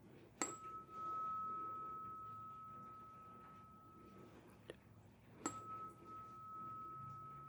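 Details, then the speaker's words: Tuning fork said to be 248 Hz, described as short-lasting, gives a high pure ringing tone that fades, then is struck again and rings on, during a simulated ASMR roleplay cranial nerve 8 hearing test. "And our last fork may also be a bit tricky. This one doesn't tend to last as long noisewise. This is our 248 hertz fork."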